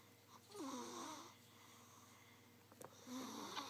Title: Cutest little snore :)